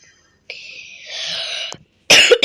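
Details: Cough.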